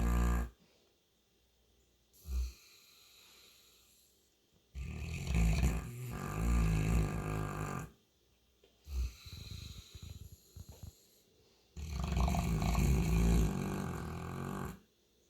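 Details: Sleeping St. Bernard dog: loud, deep, rumbling snores on each in-breath with short snorts between, roughly 9 breaths a minute; heavy snoring.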